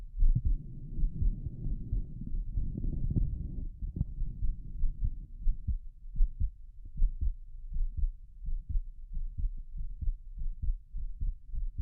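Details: Adult's own heartbeat via stethoscope, faster than usual from excitement of being on camera; quick stops over pulmonic valve and Erb's point, visible apex beat; fast regular clear lub-dub after early handling rumble: normal heart sounds, fast rate.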